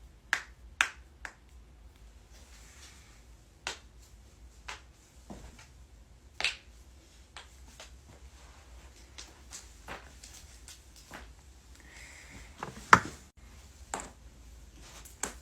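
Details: Compilation of joint cracking, including neck and back cracks: sharp, isolated pops and cracks at irregular intervals in a quiet room, typical of joint cavitation.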